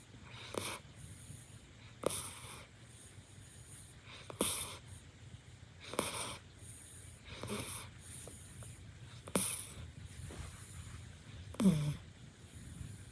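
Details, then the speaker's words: Puppy exhausted after a walk, asleep on a bed, snoring with soft snorting, wheezy breaths about every two seconds, about 25 a minute; sleep snoring. "Winter is snoring lol You, snoring puppy BTW, why are you sleeping in my bed?"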